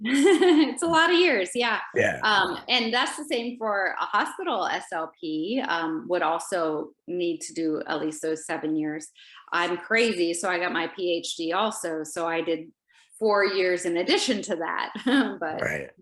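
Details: Adult woman speaking; normal speech.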